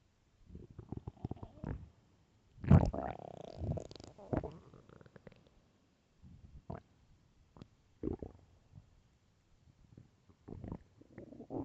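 Loud, irregular gurgling and rumbling stomach growls in bursts with quiet gaps; ordinary hunger bowel sounds.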